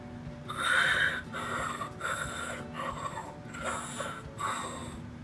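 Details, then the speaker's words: Coarse crackles on chest auscultation, heard when much phlegm and fluid is present: repeated breaths with low, bubbling, popping crackles. "usually when there's a lot of phlegm and fluid present"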